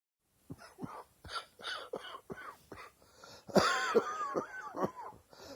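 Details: A run of rapid, rough coughs ending in a harder cough with strained, groaning voice sounds: a chesty morning cough.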